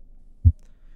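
A single low, muffled thump in a quiet background: the first heart sound, S1, a normal finding.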